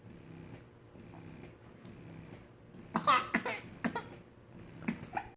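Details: Several short, abrupt catching sounds over room noise; hiccups.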